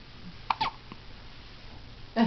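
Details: A few short, abrupt gulping sounds in a quiet room; hiccups.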